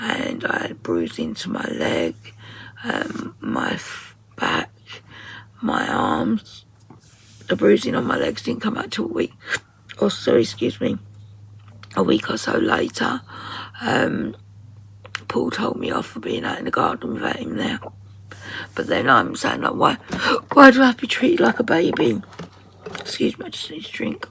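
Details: Woman with voice dysphonia, very tight, stressed muscles around the vocal cords, also affecting swallowing, worsening over about four months, attending speech therapy; voice at times distorted or lost; muscle tension dysphonia.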